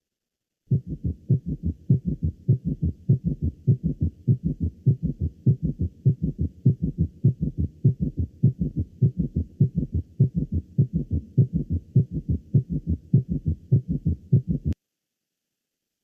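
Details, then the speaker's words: Summation gallop: S3 and S4 fused into a prolonged, low-pitched mid-diastolic sound, often louder than S1 and S2, heard with fast, regular heart sounds. "e la la diole y el S3 y el S4 se se unan lo cual va a producir este galope de zumma se va a poder escultar como un ruido mesodi estío de un tono bajo prolongado y a menudo va a ser más intenso que el s1 y s2"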